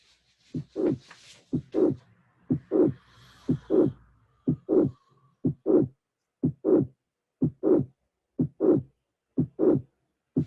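Steady heartbeat near 60 a minute with a late systolic murmur from mitral regurgitation.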